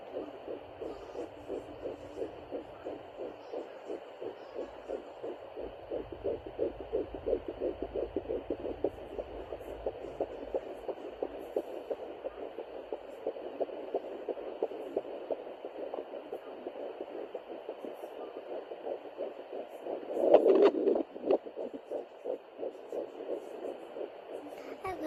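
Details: Fetal heartbeat on a Doppler at 9 weeks 4 days of pregnancy: rapid, regular whooshing pulses at roughly 170–180 beats a minute.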